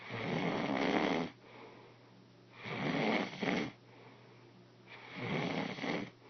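Rough, rattling snores on each inhaled breath, about 25 a minute, with quiet pauses between them. Ordinary snoring.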